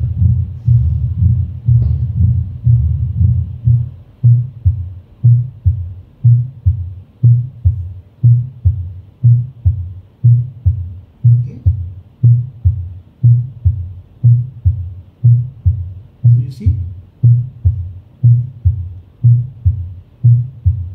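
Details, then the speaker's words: Patient with pure mitral stenosis: the second heart sound is not single, with an extra sound after it, the opening snap. "So second sound is not single. There is an extra sound after second heart sound. This is opening snap."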